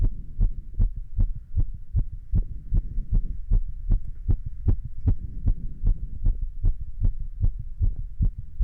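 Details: Heart sounds recorded standing, after a little exercise: steady, regular low thumps at about 150 a minute over a faint hum; normal heart sounds, quickened after exertion.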